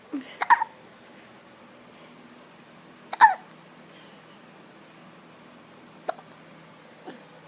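Short, sharp gulping catches with a quick voiced click, four in about seven seconds, with quiet room noise between: hiccups.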